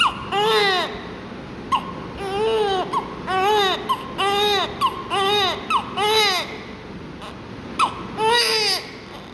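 Repeated vigorous newborn cries with short gasping inhalations between bursts, heard during suctioning and oxygen care.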